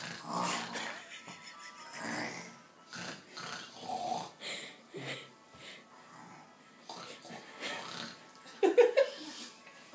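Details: A child imitates an uncle's snoring with rhythmic rasping, snorting breaths, ending in a burst of laughter; imitated, not real snoring.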